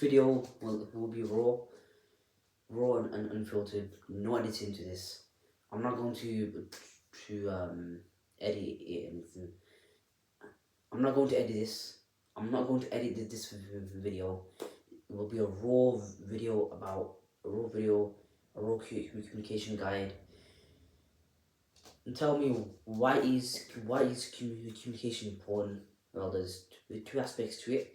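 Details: Adult who stammers, with audible word and syllable repetitions; stuttering.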